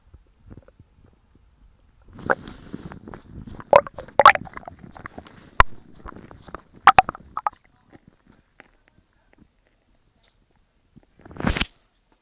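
Irregular gurgles, squeaks and rumbling bursts of gas and fluid moving through the bowel, with a final loud gurgle; ordinary stomach growling.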